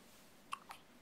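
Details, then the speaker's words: Newborn girl on day one with her first hiccups: two quick, soft hiccup sounds amid family voices. "You guys are too cute. Look at your hiccups."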